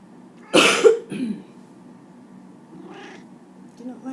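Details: Adult owner coughing while cat protests with vocalizations; cough.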